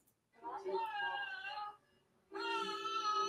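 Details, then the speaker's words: Infant in respiratory failure: two voiced, moaning sounds on breathing out, a lung defence mechanism against alveolar collapse; expiratory grunting. "es ese sonido y lo que hace el quejido Este es un mecanismo de defensa de los pulmones muy muy bonito"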